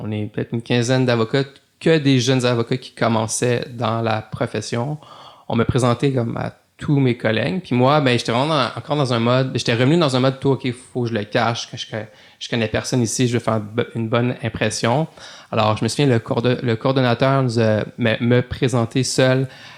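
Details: Adult male lawyer who stutters, speaking French in a podcast interview; stuttering.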